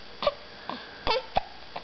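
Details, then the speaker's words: Several short, abrupt voiced catches in quick succession from a small boy with recurrent hiccups, in a quiet room. "no we hate the hicups uh oh uh oh"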